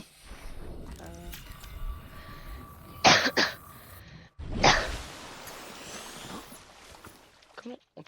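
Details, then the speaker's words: Adult man, voice failing, coughing repeatedly while gaming: two or three short, harsh cough bursts with faint game sounds behind. "Excusez-moi pour le fait que je tousse tout le temps. Ça peut être chiant. Malheureusement, j'ai ma voix qui part un peu en cacahuète."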